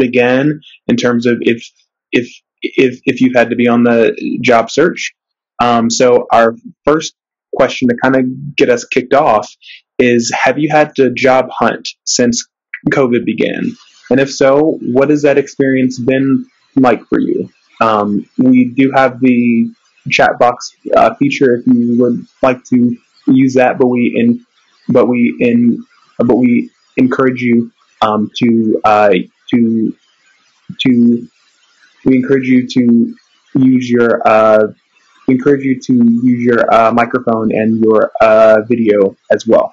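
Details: Real person who says he stutters, speaking in a webinar for people who stutter; stuttering.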